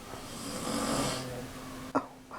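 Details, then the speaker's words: A man snoring in a quiet room: one long, rough, rattling snore on the breath in, then a sharp snort. "Like, I swear if you start snoring, I'm just I'm gonna get out of this room. It sounds like he's talking."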